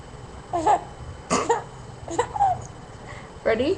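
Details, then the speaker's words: A mother gives several short, deliberate fake coughs to make her baby laugh, with brief voiced sounds from the baby between them; voluntary cough. "what is that do you think that's funny when Mommy coughs let's try again"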